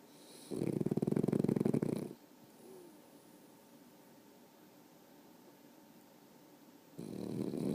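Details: Dog named Max sleeping: loud, rattling snores on breathing in, about 1.5 seconds each, with quiet pauses between; snoring.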